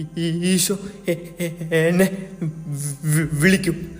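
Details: Acted short film portraying a boy who stutters; stuttering.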